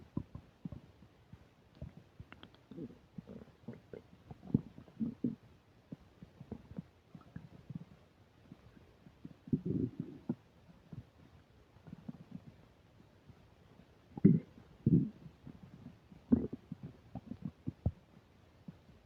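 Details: Upset digestion while eating a burger and fish fries, recorded with a microphone: frequent gurgling, bubbling and rumbling stomach noises with louder bursts and a little mic static; active bowel sounds (borborygmi).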